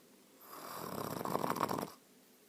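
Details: Bed partner snoring loudly, keeping the recorder from sleeping well: a single loud, rattling snore lasting about one and a half seconds in a quiet room.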